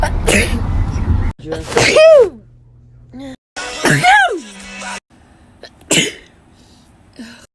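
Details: Compilation of a person's sneezes over a year: a run of loud voiced sneezes, each a rising 'ah' then sharp 'choo', cut together with music; repeated sneezing.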